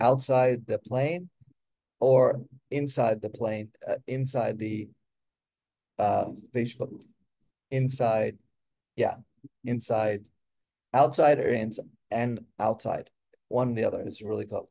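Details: Person with aphasia, a member of an aphasia institute who helps train conversation partners; aphasia.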